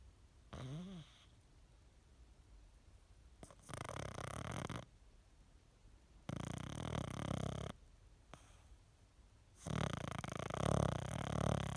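Long, harsh, rumbling snores with quiet gaps between them, about one every three seconds; ordinary snoring in a sleeping dog.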